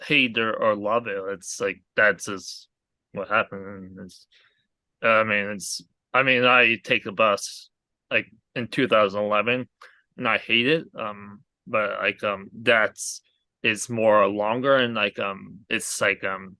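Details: Aphasia in a male stroke survivor following a hemorrhagic stroke caused by an arteriovenous malformation at age 20.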